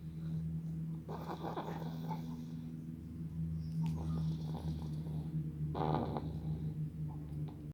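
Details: Light snoring during sleep: soft, low rattling breaths over a steady background hum.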